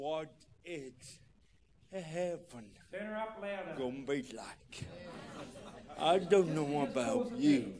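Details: Adult man with cerebral palsy; dysarthria (cerebral palsy).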